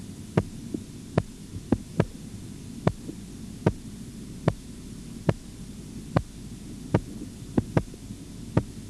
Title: BP Measurement Auscultatory Tutorial 15